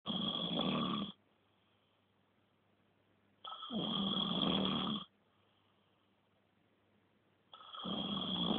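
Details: Person snoring: loud, rough snores on each in-breath, about 15 breaths a minute, with quiet pauses between.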